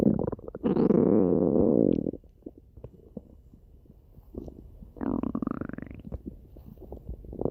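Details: Loud gurgling, groaning stomach growls in two long bursts with bubbly pops between them; normal bowel sounds (borborygmi) of gas and fluid moving through the gut.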